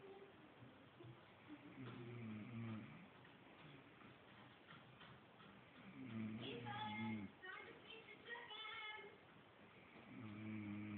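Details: Recurring low, buzzy, tonal snores about every four seconds, roughly 14 breaths a minute: snoring.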